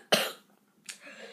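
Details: A single harsh cough burst, then a softer second burst after a pause, from a 12-year-old boy sick with a bad cold who was given a breathing machine and lots of medicine.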